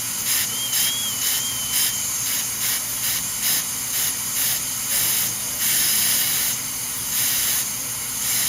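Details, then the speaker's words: Dental drill preparing porcelain veneers on teeth #7 and #8 with lingual chamfer margins. Repeated short bursts of the high-speed drill with hissing spray as it cuts the interproximal enamel. "So at this point, we either go to a hand instrument or, let's see, go ahead and hit that again real good."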